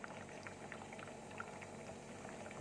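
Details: Respirox (Turkish model) oxygen concentrator running during setup: steady soft bubbling of water through its humidifier bottle over a low machine hum.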